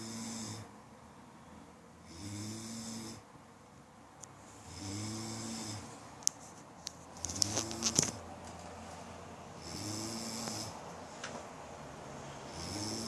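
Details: Person's own snoring: regular low rumbling snores, about five in the recording, roughly 24 breaths a minute, with a few faint clicks in the room.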